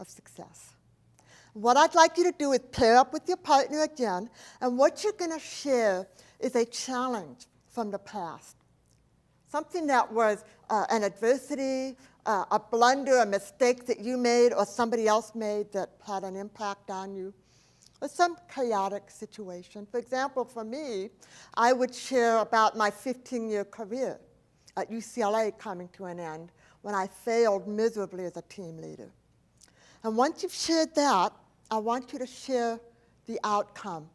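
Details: Adult woman, profoundly hearing-impaired since age four after a 106-degree fever destroyed about two-thirds of her hearing; deaf speech (speech of a profoundly hearing-impaired adult).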